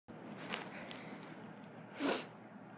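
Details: Over steady background hiss, a brief noisy intake of breath followed by a single sharp burst; sneezing.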